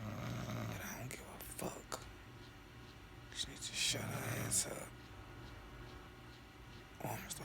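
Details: Woman snoring in her sleep, which happens every night and wakes the household: rough, low, rattling snores recur every few seconds, with steady room noise between them; snoring.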